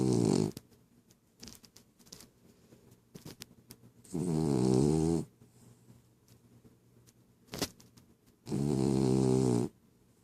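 Loud, rattling snores on each in-breath, about one every four seconds, separated by quiet breathing; ordinary snoring in a sleeping dog.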